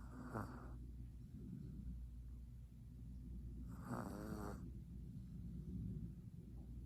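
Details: F2 Savannah cat in deep sleep, snoring and twitching: two slow, rattling snores on the in-breath over steady low room hum; ordinary sleep snoring.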